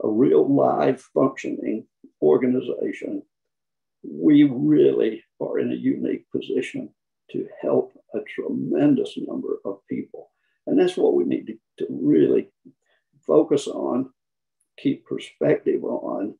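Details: Man who counts himself among people with spasmodic dysphonia, noting many with it also have other voice conditions; spasmodic dysphonia.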